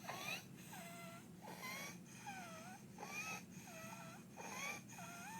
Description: My 2 year old daughter at rest in bed with Croup - after hospitalization, presenting with barking cough, stridor and distressed breathing and depressions in the chest.